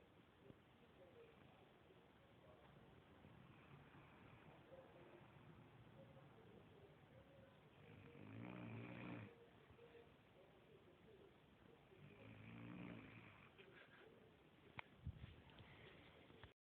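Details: Person sleeping and snoring: two rough, rattling snores over steady room noise, with a sharp click near the end.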